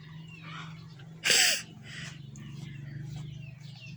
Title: Tickle sneezes, false starts Philippines 🇵🇭, please like and SUBSCRIBE thank you 😊